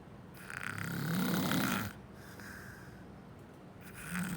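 A loud, rough, rattling snore on the in-breath, followed by a quiet exhale and the start of the next snore.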